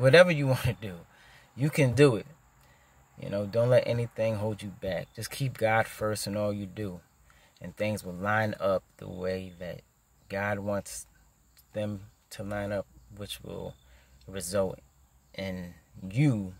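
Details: Stuttering in an adult man who stutters.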